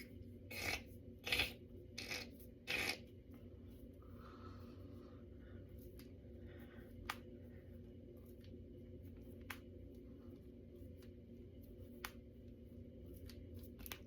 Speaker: I can feel my fingers and knuckles now because I'm cracking them.